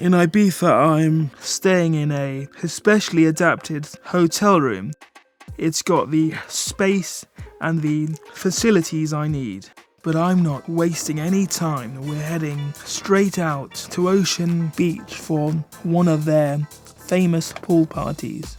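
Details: Man with cerebral palsy affecting his movement and speech, a wheelchair user; dysarthria (cerebral palsy).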